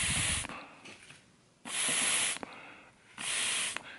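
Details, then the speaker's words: Loud, harsh hissing bursts of air forced through a homemade 3D-printed PEEP valve for a DIY COVID-19 ventilator, spring tightened to a high exhale-pressure setting, far too high to exhale through comfortably; PEEP valve airflow at high setting. "and when you add force to the diaphragm you need a higher pressure to push the diaphragm away from the Auris orifice plate and giving a higher exhale pressure so here's an example I just tightened it up"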